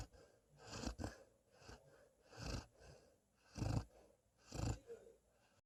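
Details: Black female East European Shepherd dog snoring: repeated rough, noisy breath sounds about every second, some louder than others, in sleep.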